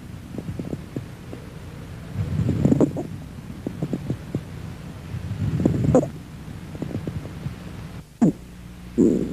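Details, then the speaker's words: Inspiratory squawk, a brief high-pitched musical chirp late in inspiration amid breath sounds with scattered crackles, characteristic of allergic alveolitis and interstitial lung disease, resembling a bird's squawk. "Se ha identificado recientemente en las alveolitis alérgicas y en las intersticiopatías el graznido, que es fácil de reconocer y característico de estas situaciones, es decir, que tiene gran valor diagnóstico y, repito, es fácil de identificar porque remeda perfectamente a un graznido."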